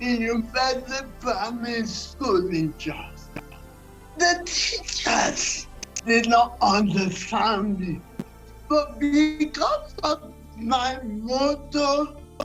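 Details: Dysarthria in a 47-year-old woman with cerebral palsy, which presents through her speech.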